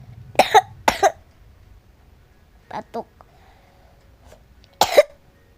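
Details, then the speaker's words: Several coughs as paired bursts with softer sounds between, in a quiet room, from a person apologising for coughing repeatedly while playing Roblox and recording. "Maaf ya kalau aku ketahu bukan ketahu sih tapi aku batok-batok Mulo"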